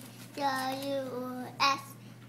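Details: Speech of a profoundly deaf boy just turned three with bilateral cochlear implants (Nucleus Freedom) from simultaneous surgery, hearing about 2 years with the right implant and 22 months bilaterally.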